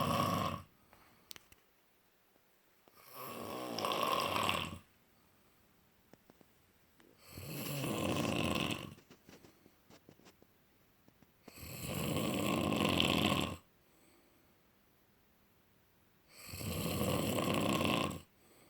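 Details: Loud rattling snores on each breath in, about 14 a minute, with quiet gaps between; snoring.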